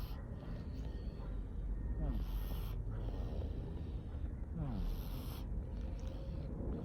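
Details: Sleeping cat snoring: low rumbling snores with each breath, about every two and a half seconds, over a steady background hiss.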